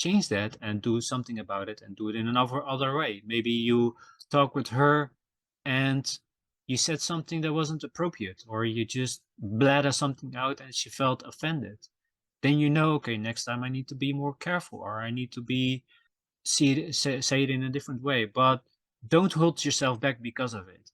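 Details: Self-reported stuttering in a male podcast host, who says his stutter can be heard in his episodes; stuttering.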